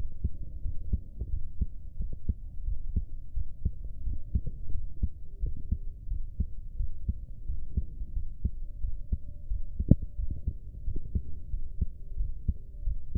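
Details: Low, muffled thumps over a steady hum, roughly 88 a minute and somewhat uneven in strength; an adult's own heartbeat recording.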